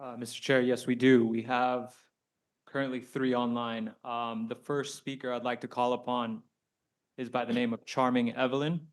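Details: Adult male speaker; ordinary speech.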